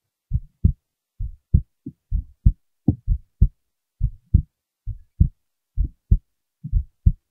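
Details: Heartbeat.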